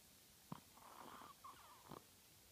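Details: Sleeping dog snoring loudly enough to wake the owner nightly; one noisy, whistling breath framed by two soft snorts; the vet said she was fine; snoring.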